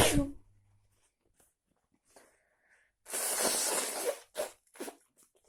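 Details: A loud, explosive sneeze with a long hissing blast, then shorter sneeze-like bursts, after a walk in heavy, cold rain without an umbrella.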